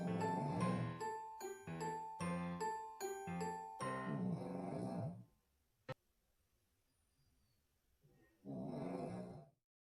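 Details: Cavalier King Charles Spaniel snoring while asleep: a single rough, rumbling snore after a bell-like musical jingle.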